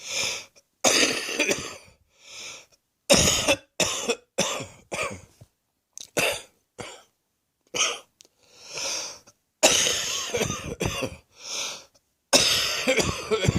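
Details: Close-up recording of a person's own chest: wheezing breathing dissolving into an uncontrollable fit of repeated harsh wet coughs with strained wheezy in-breaths between bursts; wet cough.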